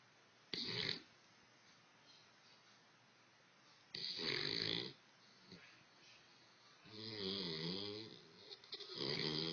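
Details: Sleeping dog snoring in loud, rattling bursts separated by quiet pauses.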